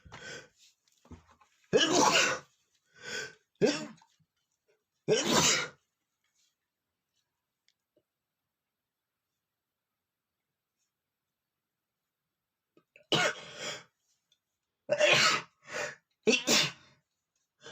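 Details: Adult man, powder-induced sneezing: series of forceful sneezes with quick intakes between and a long quiet pause midway; repeated sneezing.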